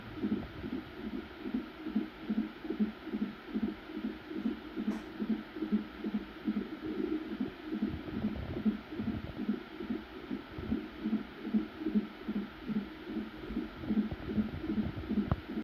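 Rapid, regular whooshing pulses of a fetal heartbeat at about 145 beats a minute.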